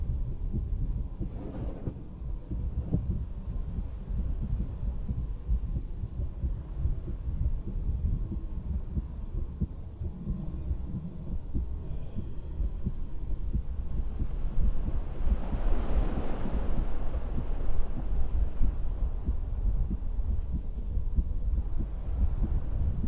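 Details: Woman's own heartbeat through a stethoscope while sitting on the porch of her beach house: muffled, low thumps partly buried under steady wind and ocean noise.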